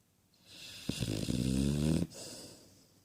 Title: sleepy snoring cane corso 😆 شخير كاني كورسو